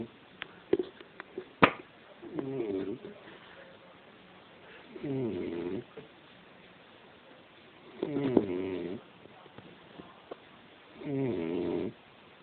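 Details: Drunk man passed out asleep and snoring: four rhythmic buzzing snores, roughly one every three seconds, with quiet pauses between and a few clicks early on.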